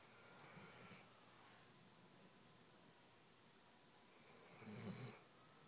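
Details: Weimaraner dog asleep on a couch snoring: two soft, low rumbling snores with a whistly edge, separated by quiet breathing in a quiet room.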